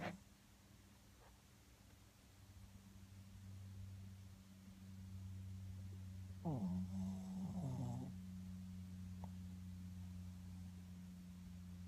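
Soft, steady low droning snore from a sleeping dog, with one brief snort midway; quiet snoring in sleep.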